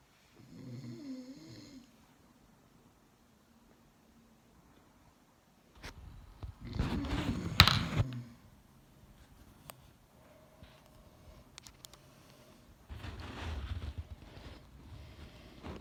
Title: My sweet husband snoring on my shoulder 😂😂😂